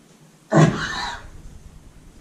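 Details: One deep, harsh, forceful cough from a horse in his stall, followed by quiet breathing; owner very concerned about how bad the cough was.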